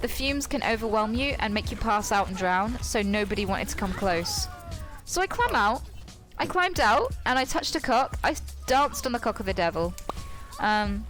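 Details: Tourette syndrome in a female speaker, with involuntary vocal tics including coprolalia interrupting her narration.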